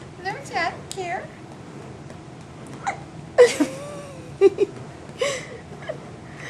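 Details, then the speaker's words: Loud, abrupt voiced infant hiccups in a baby boy, repeating irregularly about once a second, with soft fussing; he just nursed about 25 minutes plus a supplemental bottle, and had frequent hiccups in the womb. "this is aim with the hiccups and they're really loud and really cute"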